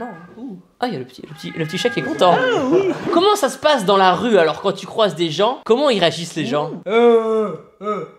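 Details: Adult French speakers in a small room; conversational speech.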